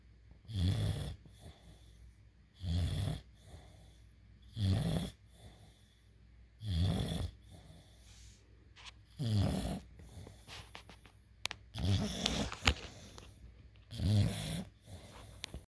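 Rhythmic rattling snores, about seven over fifteen seconds, with quiet pauses between; ordinary snoring.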